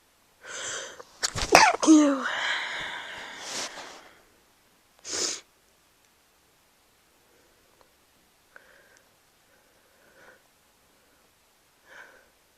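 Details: Two forceful sneezes during a cold at the stage of getting better, past its peak: the first a sharp explosive burst with a trailing voiced release, then faint quiet sounds.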